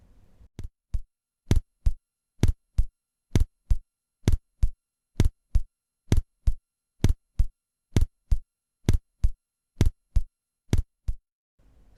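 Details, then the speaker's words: Simulated apical heart sounds about 63 a minute: normal first and second sounds, then split first heart sound heard as an indistinct, non-uniform first sound at the apex. "главное сейчас это все услышать начинаем с расщепления первого тона"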